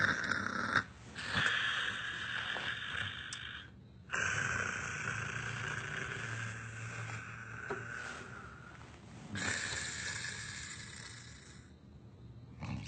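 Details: Comedy scene snoring: long, rough, rattling breaths drawn in and out in slow cycles with short pauses between them.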